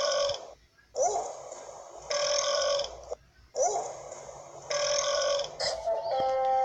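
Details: Burping: several long, drawn-out belches with pauses between them.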